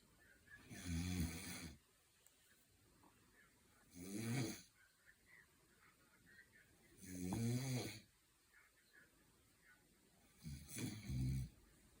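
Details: Loud, rough, low rumbling snores on the in-breath, about 18 a minute, with quiet gaps, from a sleeper; whether the snorer is the man or the dog is unclear; snoring.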